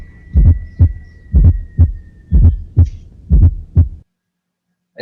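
Regular heartbeat near 60 a minute with a soft extra thump just before each first sound, an S4 gallop.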